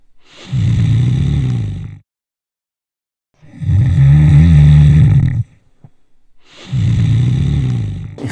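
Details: Snoring, presented in the context of snoring and sleep apnea.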